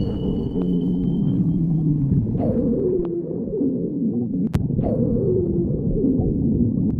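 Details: Low, drawn-out gurgling and whining tones over a steady rumble; stomach growling (borborygmi).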